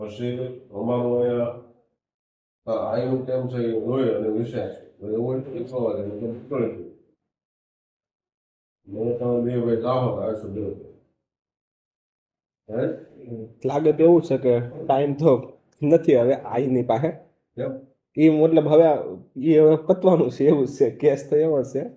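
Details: Man who stammers and does daily fluency practice, speaking Gujarati in a recorded conversation with his father; stuttering.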